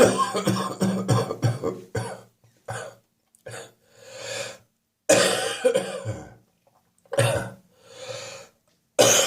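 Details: Adult with a spring cold and a real wheeze on the chest this morning: bouts of harsh, wet, chesty coughing with wheezy, noisy breaths in between; wet productive cough with wheeze.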